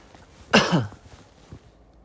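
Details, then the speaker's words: Cough with cold symptoms (hoarse voice, body aches earlier, took medicine); only voice and coughing heard; cough. "지금 은 기침 만 하고 있어 요 . 내 목소리 와 기침 소리 뿐 이에요 ."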